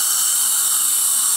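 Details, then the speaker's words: Dental implant drill at 1000 rpm preparing wide mandibular ridge bone with depth-set drills for a 5.0 x 10 mm posterior implant: a steady high-pitched whine with a wet hiss. "placing a five point 0 by 10 which means i have to use for drill just part of their Chronicle bird these are depth cut their set to depth so you don't need to worry about going too deep"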